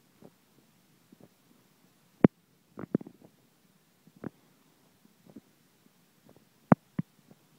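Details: While Biscuit's tummy is being rubbed: quiet, irregular gurgles and pops of varying loudness, stomach rumbling from gas and fluid moving through the gut.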